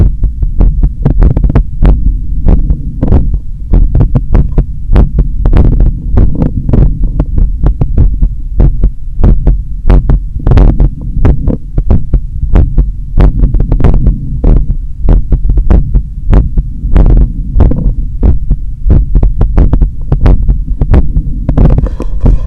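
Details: Heart sounds recorded at the apex after a long run in summer heat, with a strong, visible carotid pulse: fast, forceful beats roughly 95 a minute, a normal response after exercise.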